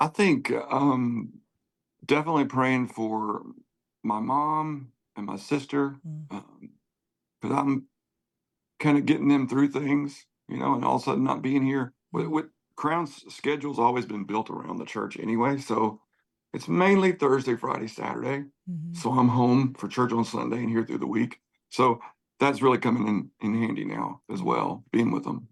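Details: Adult male singer with spasmodic dysphonia, worse when talking than singing, voice goes gravelly at times, sees a voice therapist before concerts, prior cancer diagnosis and treatment; spasmodic dysphonia.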